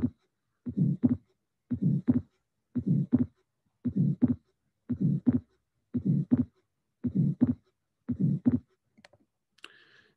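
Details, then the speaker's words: Regular heartbeat about 57/min with a fixed split second sound and a soft systolic ejection murmur from increased flow through a normal valve, in a patient with atrial septal defect. "This finding is a nice finding of a fixed splitting of the second sound, ejection murmur due to increased flow in a patient with the atrial septa defect."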